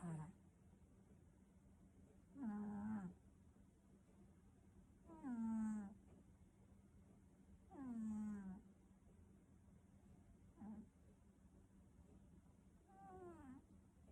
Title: Snoring cat